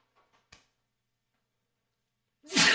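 Near silence with faint clicks, then a sudden loud, hissing burst of air at the end that cuts off: the start of a sneeze.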